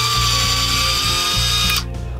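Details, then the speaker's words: Powered surgical stapler firing during laparoscopic sleeve gastrectomy, clamped on the stomach to remove about 75–80% of it: a steady mechanical whine with ratcheting pulses that stops abruptly as it cuts and staples. "the stapling device divides and cuts at the same time here we have clamped down on the stomach and I'm going to begin firing the stapler"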